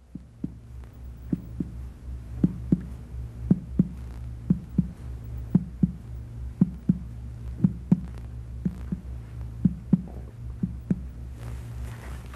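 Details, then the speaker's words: Abdominal percussion up the right midclavicular line: resonant tympany below the liver giving way to duller notes at the lower border of liver dullness. "percuss the span of liver dullness in the right mid clavicular line from an area of timpani well below the expected liver percuss up to the lower border of liver dullness"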